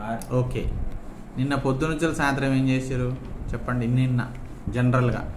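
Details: Adult clinician speaking; normal adult speech.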